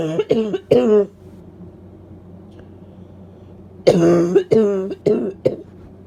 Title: Barking Cough and Cold Sneezes (F)